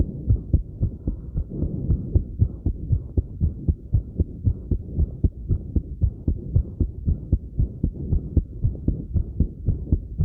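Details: Heartbeat recorded after light crunches: a fast, steady, low thumping at roughly 115 beats a minute with soft breath sounds and some movement noise; rapid heartbeat after light exercise.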